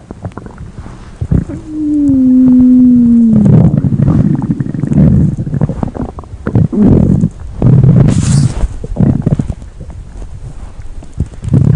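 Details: Stomach growling: loud gurgling and rumbling with a drawn-out groaning tone from gas and fluid moving through the gut.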